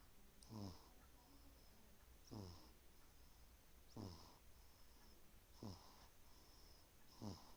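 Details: One-month-old baby snoring in sleep: five squeaky, snorting noises, one per breath at about 35 breaths a minute, with a whistling edge; infant snoring, noisy breathing.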